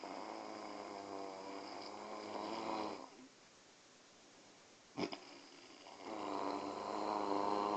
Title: Father and Son snoring